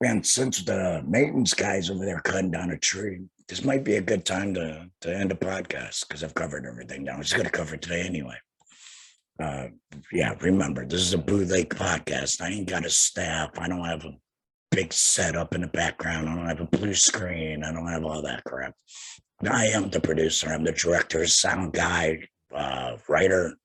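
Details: Adult man about two years after total laryngectomy for head and neck cancer, speaking via tracheoesophageal puncture voice prosthesis while finger-occluding his stoma/HME; tracheoesophageal (alaryngeal) voice.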